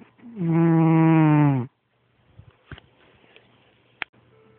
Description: my cat has the loudest snore i've ever heard